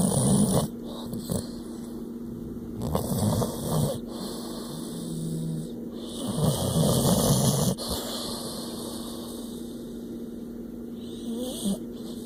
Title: Autumn snoring